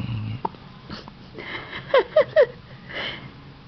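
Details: 3-day-old awake baby boy with hiccups: three short, sharp voiced gulps in quick succession, each a sudden catch of breath; hiccups.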